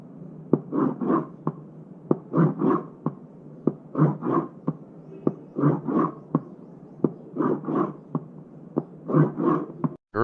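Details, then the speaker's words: Ejection systolic murmur of aortic stenosis: crisp heart sounds with a harsh, diamond-shaped crescendo-decrescendo murmur beginning after S1 and ending before S2. "Ejection systolic murmur in aortic stenosis begins after S1 and ends before S2. diamond-shaped that is cresendo d cresendo murmur and it's a harsh murmur."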